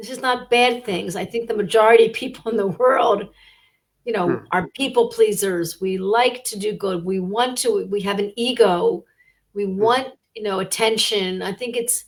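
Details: Adult woman speaking; normal speech.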